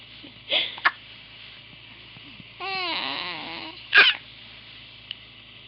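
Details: Infant boy crying with hiccups: short abrupt catches before and after a brief wavering cry, hiccups interrupting crying.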